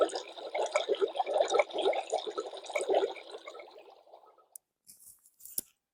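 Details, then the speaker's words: Simulated boiling-water tinnitus: a bubbling sound like a pot boiling, linked to mucus in the ear after a recent cold, nose-blowing or allergy. It is described as having the best prognosis. "entonces a veces la gente dice no este tengo ahí como agua hirviendo como que me está la olla ir viendo bueno no se preocupen este ruido es el de mejor pronós"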